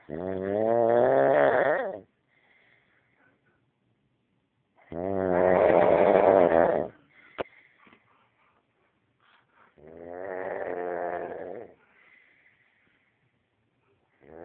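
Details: Adult man snoring during sleep: loud, rattling snores lasting about two seconds each, separated by silent pauses, about 12 breaths a minute; heavy snoring.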